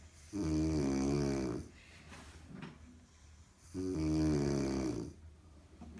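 Two loud, buzzy, drawn-out snores on inhaling, each about a second long, separated by quiet breathing out; snoring.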